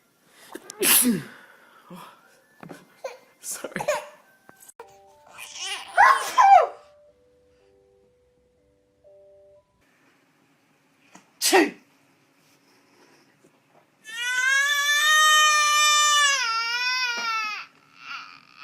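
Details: Several small, sharp sneezes from babies, then a sustained cry-like vocalization over soft background music; ordinary infant sneezing.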